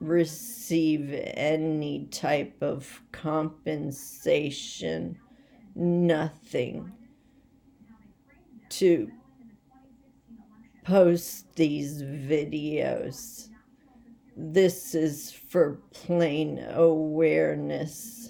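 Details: Adult woman with essential tremor, badly out of control and rapidly progressive, affecting mainly her head and voice, with word-finding difficulty and leg and hand weakness; awaiting movement disorder specialist visits; voice tremor.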